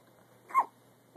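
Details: Infant hiccup: a single short, abrupt, squeak-like catch of breath.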